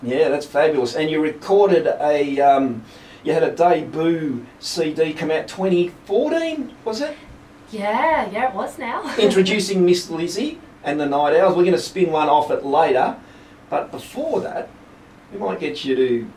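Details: Adult radio host in conversation; normal voice.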